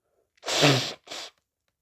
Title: sneezing variations + nose blowing